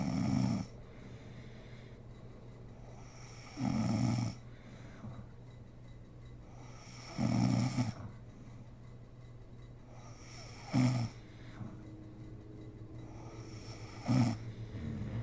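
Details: Loud, regular rattling snores about every three to four seconds, roughly 18 breaths a minute, from a sleeping mother; snoring.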